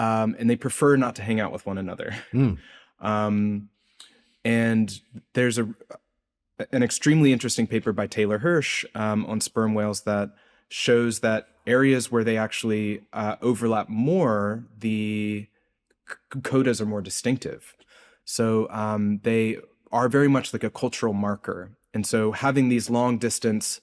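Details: Adult male postdoctoral researcher, self-reported speech impediment audible throughout an interview; this stretch has word repetitions; stuttering (disfluent speech).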